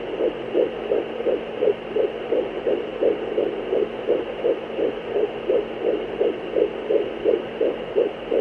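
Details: Fetal heartbeat on Doppler: fast, steady whooshing pulses at about 165 per minute over a constant background hum.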